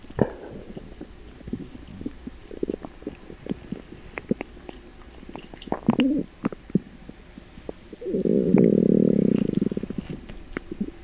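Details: Upset stomach after eating sugar-free gummies: loud stomach noises; borborygmi.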